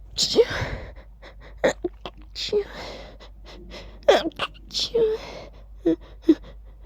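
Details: Several sharp human sneezes while feeling sneezy, quick in-breaths before each, deliberately ending in loud "choo" sounds.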